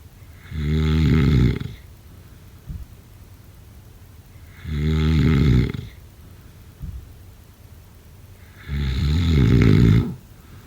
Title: #snoring #sleepnoises #snoringasmr #snoringsleepingsoundeffect